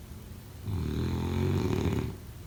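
A single low, fluttering snore lasting about a second and a half during sleep breathing.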